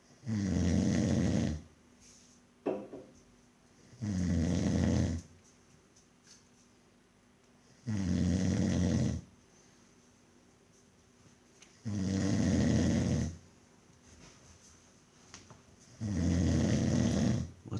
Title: I dont snore?..